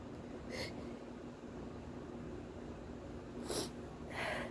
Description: Quite a bit of hitching in this one and one explosive sneeze in the mix as well!